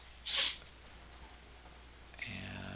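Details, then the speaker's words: A pet dog's single short, sharp, hissing sneeze, caught incidentally during a gameplay recording, followed by faint tonal background sound. "this if you can hear that or not my dog's sneezing"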